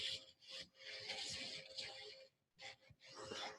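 Rasping, grinding bursts of drilling with a faint steady whine, pausing briefly between passes, as tissue is drilled away in ear surgery.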